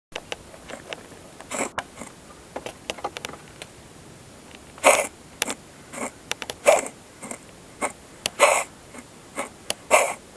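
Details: Siamese cat under a car gives a strange cough, a series of short, harsh, hacking bursts in a repeated fit, with a mouse it caught lying at its feet.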